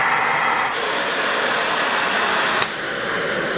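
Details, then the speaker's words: Cough Assist mechanical insufflation-exsufflation device in automatic mode, shown in physiotherapist training: loud rushing airflow with clicks as it cycles itself through pause, inspiration, expiration and pause. "Ahora, como está en automático, ya lo hace todo. Pausa, inspiración, expiración y pausa."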